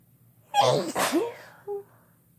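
A single forceful sneeze with a quick intake of breath before it, followed by a brief short voiced sound.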